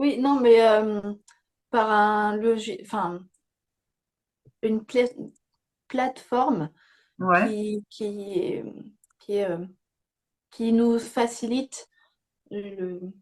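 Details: Young woman with aphasia after a stroke at age 22, with slowed word retrieval and grammar that had to be relearned; aphasia.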